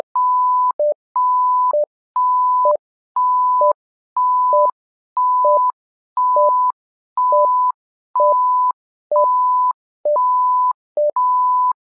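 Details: Simulated patient monitor (SimMon) alarm: a repeating two-tone electronic alarm, a high beep then a lower one, about once a second.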